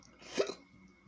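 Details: A single sharp, abrupt voiced catch of breath during speech, a hiccup.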